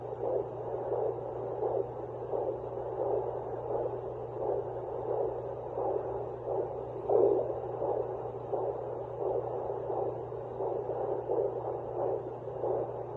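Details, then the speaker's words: Muffled whooshing pulses over a steady hum: a fetal heartbeat on a home Doppler at 10 weeks of pregnancy. "so that's his heartbeat um that i'm able to find i cannot baby b is so small that i can't find his um"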